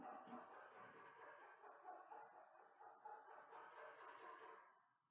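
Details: Flat-faced dog (brachycephalic obstructive airway syndrome, BOAS) with harsh, high-pitched whistling inspiratory stridor, a laryngeal noise used in BOAS respiratory function grading. Inspiratory stridor.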